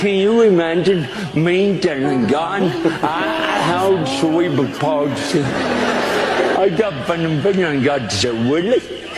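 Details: Dysarthria in a male preacher with cerebral palsy, preaching to an audience; he says people can't understand his talking and mentions his shaky body.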